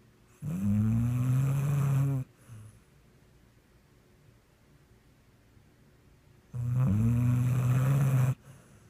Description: My pit bull Sweet Pea snoring, dreaming, and twitching the evening away...